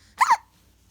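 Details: Hiccups in a subject said to always have hiccups: one short, sharp double-pulsed gulping sound against faint background hum, a single hiccup.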